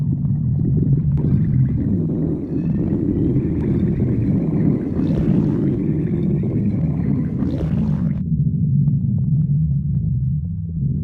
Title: Marine the raccoon stomach growling